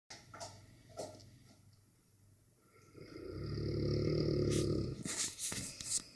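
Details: Loud, deep, fluttering snore on the in-breath from a sleeping Dogue de Bordeaux, habitually loud enough to drown out the TV, with softer breath sounds around it.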